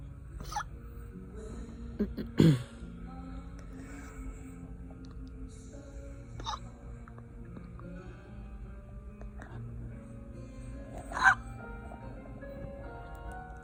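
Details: Three or four abrupt, sharp hiccup catches of breath several seconds apart over a low steady hum, in someone slightly tipsy after wine and spicy chips; hiccups.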